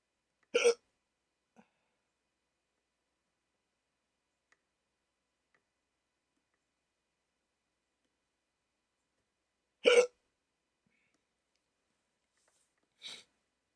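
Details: Three sharp, brief hiccups widely spaced over about fourteen seconds in a quiet room, during a rare 14-minute hiccup attack on waking from sleep with a CPAP mask by a person treated for sleep apnea.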